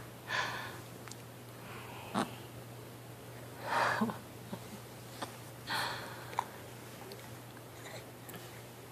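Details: Sneezing and snorting from a 9-week, 2-day-old infant: a few short nasal bursts and snorts in a quiet room.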